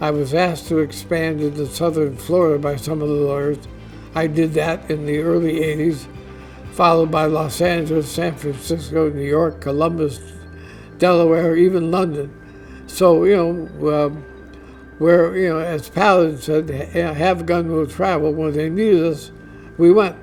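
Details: Adult man diagnosed with ALS (Lou Gehrig's disease), which he says is affecting his voice; he expects only a few more months of being able to work; dysarthria (ALS).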